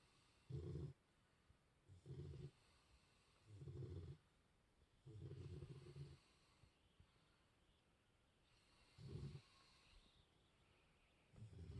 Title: Snoring puppy, Snoring human...in around